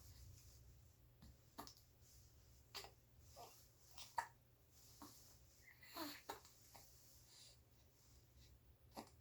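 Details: Happy 67-day-old baby: short, sharp hiccups, about six in nine seconds, with soft breathing and small vocal sounds between; ordinary infant hiccups.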